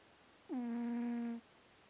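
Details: Sleeping cat snoring, briefly opening an eye but staying asleep; single high, steady whistling snore breath about a second long in a quiet room.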